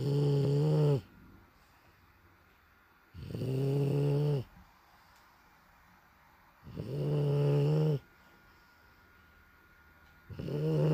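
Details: Bulldog asleep: loud, rattling snores on each in-breath, about 17 a minute, with quiet pauses; snoring.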